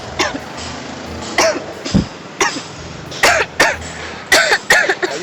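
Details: Adult giving a run of short, deliberate coughs and throat clears outdoors against traffic noise, in a staged social experiment.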